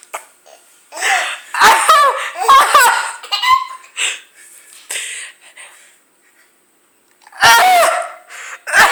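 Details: A mother's coughing, brought on when she heard her young daughter laughing at her, with the daughter finding it funny; afterward the mother says she cannot talk.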